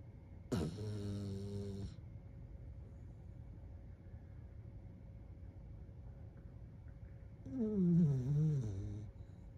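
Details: Small dog sleeping on his back, gently snoring while cuddled in bed: two soft, drawn-out snores with a whistling, whining edge, separated by quiet breathing; snoring.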